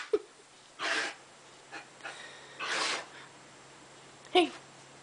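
Two noisy, forceful bursts about two seconds apart with softer breathy sounds between, fitting repeated sneezes.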